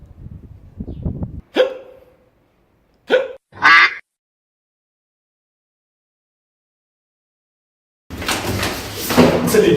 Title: Effect of Hiccup !! #Vine